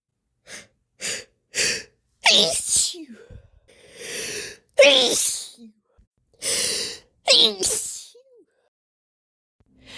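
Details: Female with a slight cold, sneezes deliberately induced to relieve a nasal tickle, compiled over several days: quick catching breaths and gasps build up to several forceful sneezes, each followed by sharp breaths and snorts; sneezing.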